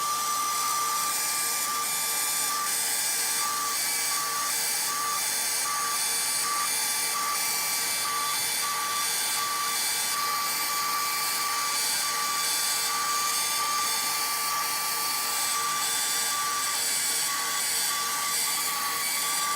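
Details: Steady high-pitched motor whine with faint irregular pulsing: a rotational atherectomy catheter running on activation during a live endovascular case.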